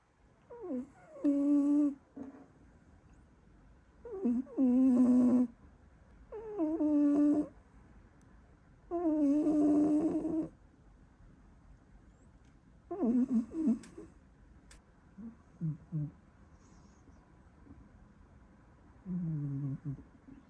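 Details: Sleeping pet cat snoring in rhythmic, slightly whistling bursts roughly every three seconds in a quiet room.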